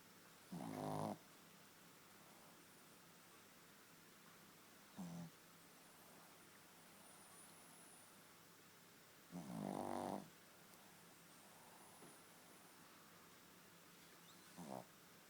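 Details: Small dog asleep and snoring: loud, rattling snores, two long and two short, several seconds apart, with quiet breathing between.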